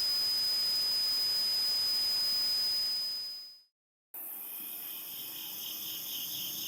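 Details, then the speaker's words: Simulated tinnitus played as an example of commonly reported tinnitus sounds: a steady high-pitched teapot-like whistle over hiss that fades out, then a different high ringing hiss begins; teapot-whistle tinnitus. "Now I will play a series of sounds that represent the typical types of tinnitus percepts people report hearing. Ringing. Teapot whistle."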